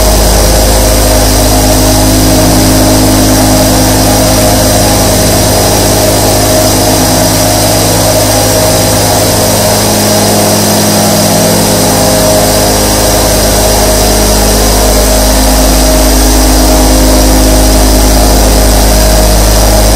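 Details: Nebulizer compressor sound.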